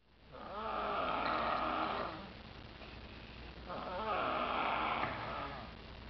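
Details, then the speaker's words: Boy snoring: two long, loud, rattling snores about three seconds apart in a quiet room, heavy snoring. "No way I sound like that. You totally sound like that. That's what I hear every night."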